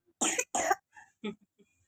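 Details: Dog with a winter cold gives two harsh, forceful coughs in quick succession, then faint softer sounds. Cough.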